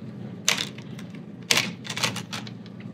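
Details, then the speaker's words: Omnipod 5 insulin pump pod being set up after filling with insulin and pairing: short bursts of light mechanical clicking over quiet room hum as the pod primes, pushing insulin through its tubing toward the cannula to clear air; priming clicks. "I'm gonna make these cute little clicking noises as it's priming so that means that the insulin is going through all the little tubes in there and up into um towards where the cannula is so that you don't get injected with a bunch of air at first"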